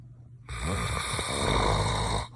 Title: Snoring super loud